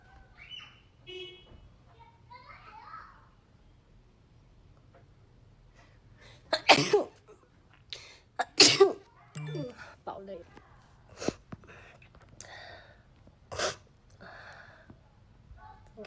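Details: Several sharp sneezes mixed with talking and other noises, set off by Covid-19 self nasal swab tests; induced sneezing.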